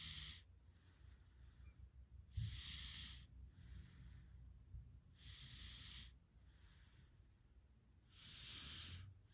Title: Oddly satisfying Snoring sounds enjoy